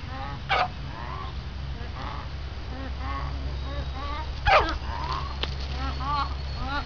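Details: Chicken wheezing and honking, with two harsh honking bursts among softer repeated calls, a sign of respiratory illness.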